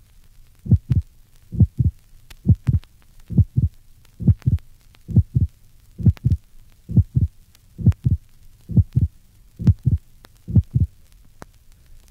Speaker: now listen to a patient with severe mitral stenosis the opening snap is early measuring 0.06 seconds